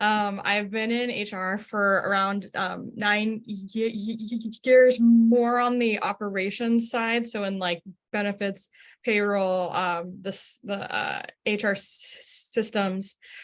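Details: Stuttering in an adult woman HR professional who stutters.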